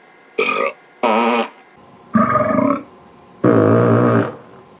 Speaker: where you burp where you fought and you fight where you burp